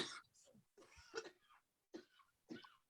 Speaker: I hear that cough yeah let it out good job sorry no no let it out that's okay